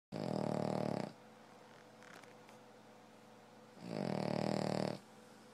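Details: Two loud, rattling snores about three seconds apart with quiet breathing between, from a sleeping dog whose heavy snoring has gone on for four years.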